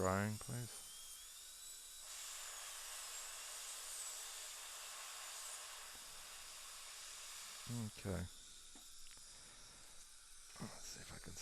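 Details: Dental drill trimming a hand instrument to narrow it during retrieval of a burnished broken implant screw fragment from a Keystone Prima implant; high-pitched continuous whine with brief low bursts around it.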